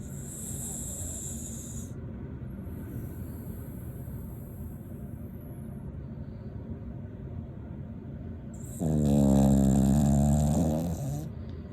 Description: Taco the rat terrier snoring and dreaming of bacon treats